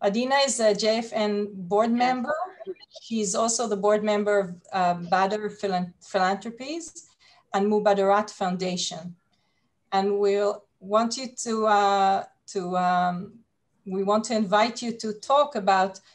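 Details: Adult woman speaking; Normal speech.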